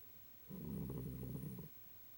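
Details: Sleeping dog snoring, recorded 12/24/18: a single low, rattling snore lasting just over a second.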